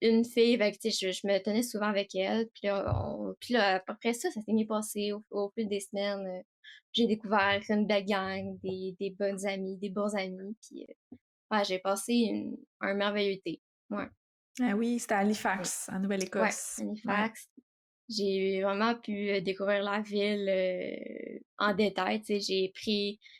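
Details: Stuttering in an 18-year-old female student, diagnosed at about age 4, with several speech therapy follow-ups since primary school; French speech.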